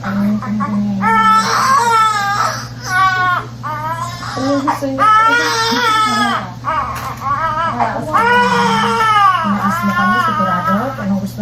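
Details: About four strong crying bursts separated by breaths from a newborn baby boy just after birth, second baby, cord noted around him, steady low room hum; vigorous cry.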